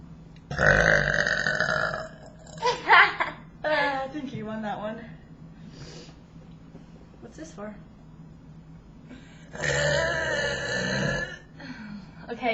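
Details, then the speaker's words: Burping contest between people, in a round judged on loudness: about four loud, prolonged, voiced belches, some lasting over a second, with brief talk between them. "We're We're going to have a burping contest. Okay. We'll do three rounds. This will be um for loudness."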